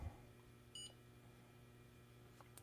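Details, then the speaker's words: A single short electronic beep over quiet room hum as a Bayer Contour Next blood glucose meter test strip draws up control solution; the meter beeped immediately during this control-solution test. "that must have worked oh it says hold it on until it beeps well it beeped immediately"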